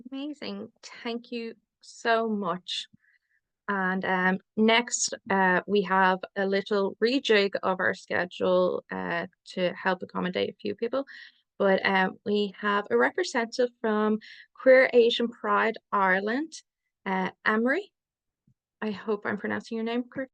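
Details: Adult speaker; typical speech.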